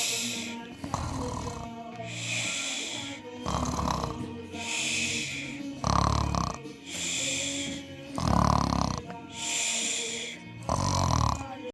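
Cartoon-style snoring: loud rumbling snores about every two and a half seconds, alternating with whistling breaths, over background music.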